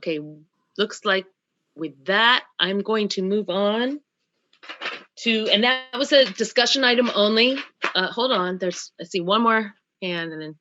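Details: Adult speaker; ordinary speech.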